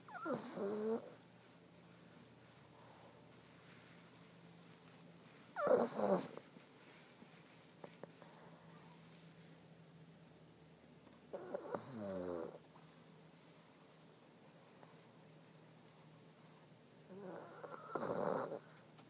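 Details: Pug asleep in an office: loud snorting, rattling snores about every six seconds, roughly ten a minute, separated by quiet pauses; snoring in a flat-faced dog.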